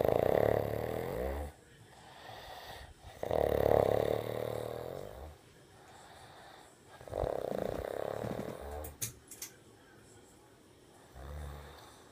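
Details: A son snoring loudly while asleep: repeated loud, fluttering snores about every four seconds, roughly 15 a minute, with quieter breaths between.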